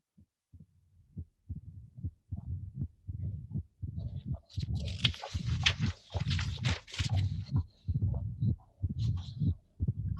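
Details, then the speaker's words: Regular low heart sounds at about 67 a minute with a rumbling mitral stenosis murmur that grows louder partway through as a position change increases its volume; mitral stenosis murmur. "this is a simply the effect of position changes in the back and this will increase the murmur and increase in the more volume everything will be easier to be appreciated"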